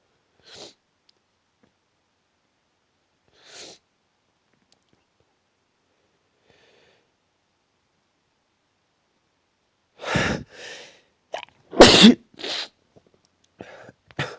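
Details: Soft sniffs and breaths, then a quick run of forceful sneezes close together that the person says they can't stop; repeated strong sneezing.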